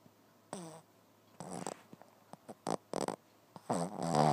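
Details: Sleeping Boston terrier: irregular snorting, whistly snore bursts with short grunts in between; snoring loud enough to keep the household up.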